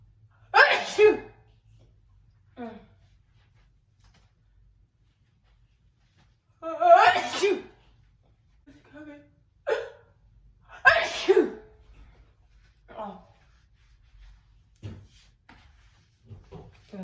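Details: Several loud, explosive sneezes, each preceded by a short gasp, with soft breaths and vocal sounds between, from a woman sneezing while standing, shortly after waking and breakfast, in a quiet room; sneezing.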